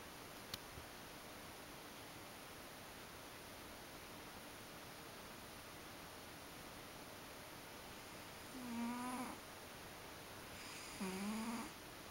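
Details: Faint room hiss with two soft brief snores about three seconds apart from a sleeping ragdoll cat; snoring.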